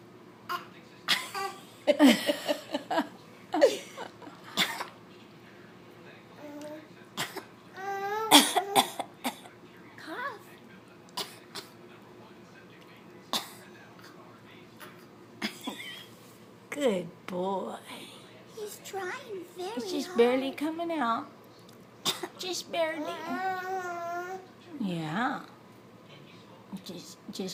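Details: Young child makes faint, short, deliberate fake coughs between voiced babbling noises; voluntary cough.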